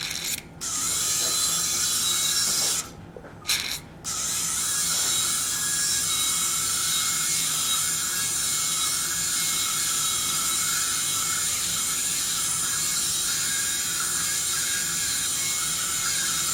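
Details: Continuous high-pitched whine of a surgical drill with brief pauses, drilling hard bone of the ear canal during transcanal revision tympanoplasty for severe lateralized tympanic membrane after previous surgeries.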